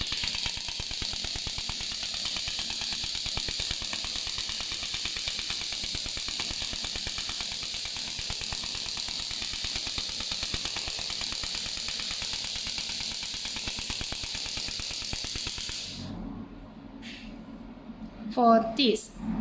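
Rapid hissing clicks, roughly three a second, for about 16 seconds, then stop: a pneumatic shock wave therapy device firing.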